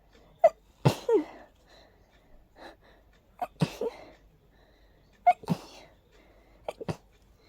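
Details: Person during an allergy attack, unusually intense with tornado-like nasal irritation: a rapid run of about five sharp sneezes with quick catch breaths between them; allergic sneezing fit.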